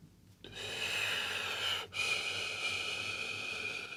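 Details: Steady rushing hiss of a CPAP machine blowing air, with one brief dip partway through, used nightly by an adult man diagnosed with severe sleep apnea at age 37–38; CPAP airflow noise.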